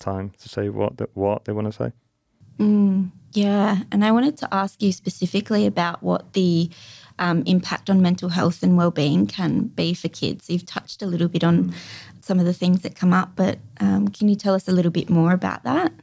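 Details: Adult woman; fluent speech.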